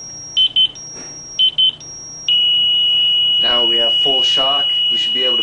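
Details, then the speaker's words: Zoll M series biphasic defibrillator in semiannual inspection, internal discharge test, set to maximum energy: short high beeps while charging, then a steady high continuous charge-ready tone with brief speech over it. "we'll know it's going to be charged by the shock light will be"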